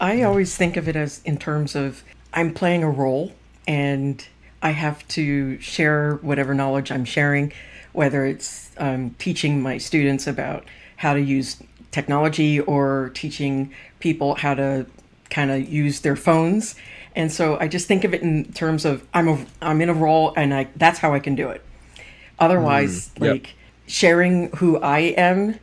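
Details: Adult speaker; ordinary speech.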